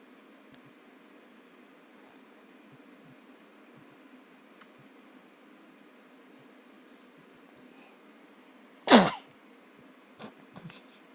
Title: Tmb sneeze